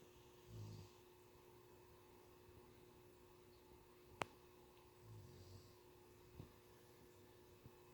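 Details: Two soft, low rumbling snores about five seconds apart from a sleeping adult man in a quiet room while a cat falls asleep.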